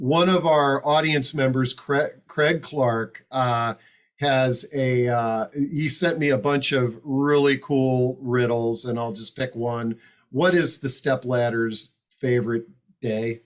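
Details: Adult male speaker; Normal speech.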